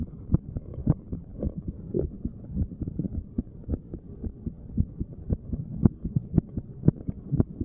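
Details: Self-recorded resting heartbeat while sitting, stethoscope at random chest spots, not standard auscultation points; muffled steady thumps about 55–60 per minute with rubbing noise; normal resting heart sounds.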